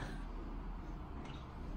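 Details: Low, steady rumbling snore made on request during flexible endoscopy for snoring and sleep apnea, with a very narrow airway at the tongue base from markedly hypertrophic lymphoid tissue.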